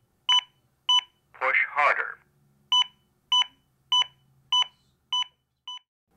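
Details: Zoll AED Plus fully automatic defibrillator switching on: repeated electronic beeps broken by a short recorded voice prompt; AED power-on beeps and voice prompt.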